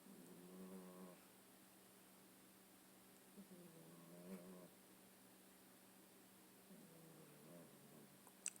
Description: Based on his loud snoring, he must have been worn out from his "Prince gone wild & crazy" video.